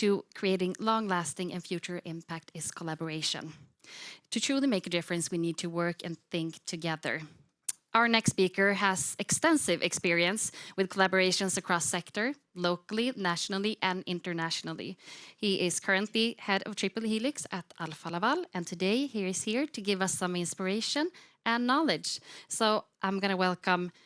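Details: Adult woman, host; Normal voice.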